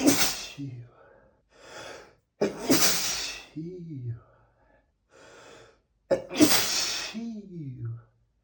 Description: A compilation of 100+ sneezes, all recorded on the same day